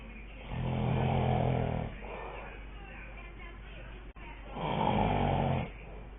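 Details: Sleeping dad giving two long, loud, rattling snores on the in-breath, separated by quieter breathing; ordinary snoring.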